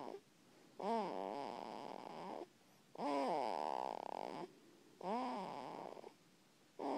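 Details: Vocal snoring in a sleeping cat: drawn-out whiny, moaning sounds with each breath, about 28 breaths a minute.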